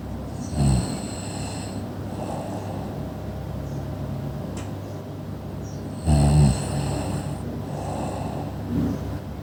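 Two loud rattling snores about six seconds apart, each followed by a quieter breath out, from a sleeping adult.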